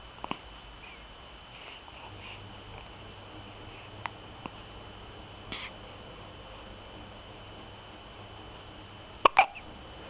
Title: Hiccup.wmv